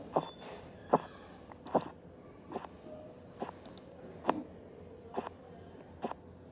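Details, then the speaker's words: Teaching example eight of blood pressure measurement: soft tapping Korotkoff sounds about 73 a minute over background hiss as the cuff deflates; blood pressure read as 94/34 mmHg. "en este caso la presión arterial estaba en 94 con 34"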